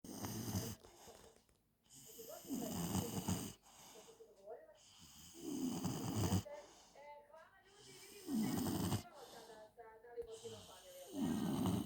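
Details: Regular loud, rough snores on each in-breath during sleep, about 20 a minute, with quieter whistling out-breaths between them.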